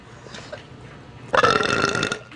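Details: Woman with an upset stomach: one loud, prolonged, deep rattling belch lasting under a second over background room noise.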